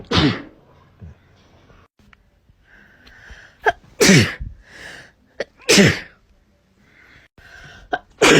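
Several separate sharp sneezes from different people, each a quick intake then an explosive burst, with quiet gaps and faint room noise.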